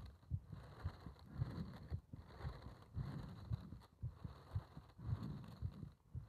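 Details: Muffled low thumps at roughly 110 a minute under breathing-like rustle; fast heartbeat during paper-bag rebreathing, part one.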